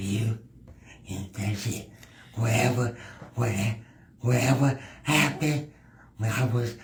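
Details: Speech impediment in a male adult podcast guest who works in disability awareness.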